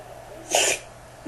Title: Funny dogs Slow Motion Dog Sneeze